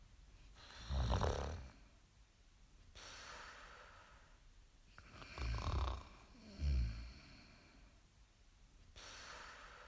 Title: SNORING SOUND EFFECT